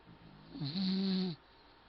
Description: Mom must of photoshopped this somehow. I am not snoring.